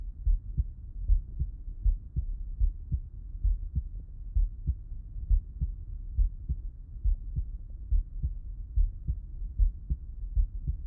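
Regular low lub-dub heartbeats at about 70 a minute, heard through a stethoscope with the person on the left side; normal heart sounds.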